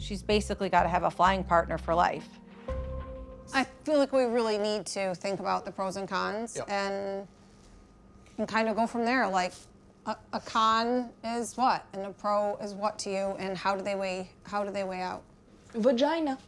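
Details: 21-year-old woman with severe Tourette syndrome and obsessive-compulsive disorder; narration ends with an involuntary swear-word tic; vocal tic (coprolalia) in Tourette syndrome.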